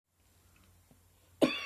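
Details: One sharp, dry, harsh cough after a quiet pause, with no mucus rattle; a sudden dry summer cough that became slightly wetter later.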